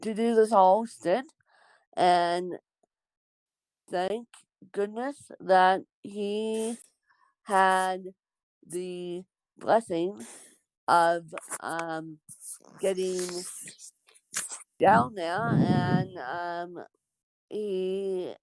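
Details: Adult woman born with cerebral palsy; dysarthria in cerebral palsy.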